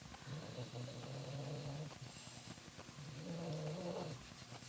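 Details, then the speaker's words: A cat named Rose snoring softly, two long, low, rumbling breaths with faint scratching in the background; snoring. "you can hear Rose snoring"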